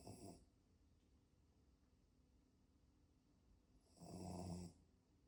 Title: Dogs Snoring 🤭🤭🤭🤭.